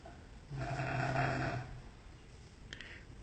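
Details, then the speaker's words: Dog (guard dog) snoring while asleep at 11 p.m., one long, loud, low rattling snore heard from an upstairs window, followed by quiet room noise; owner woke to the sound. "Tá aí meu cão de guarda roncando bem baixinho. Eu tô aqui na janela de cima do sobrado e acordei com esse barulho."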